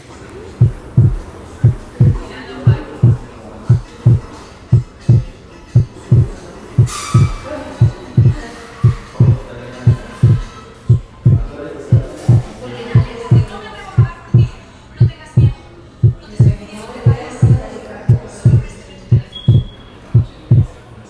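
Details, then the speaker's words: Wide splitting of S2 in right bundle branch block: delayed right ventricular activation delays the pulmonic component, so S2 is split, with the pulmonic component delayed further on inspiration. "En el bloqueo de la rama derecha, como consecuencia de un retardo en la activación del ventrículo derecho, el segundo ruido pulmonar se encuentra retrasado. Así que incluso durante la inspiración existe cierto desdoblamiento del segundo sonido debido a un retraso del segundo ruido pulmonar."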